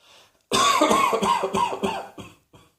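A run of about five quick, harsh coughs in one burst, each with a voiced catch, followed by a faint trailing cough.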